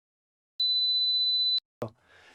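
A steady, high-pitched pure tone lasting about one second, followed by a brief click and faint noise; a 4 kHz hearing test tone.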